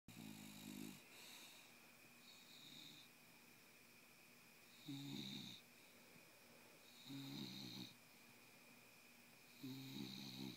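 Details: Wide-awake bulldog snoring: rough, rattling snorts about every 2–2.5 seconds, about 25 a minute, over steady room hiss; flat-faced dog airway noise; snoring.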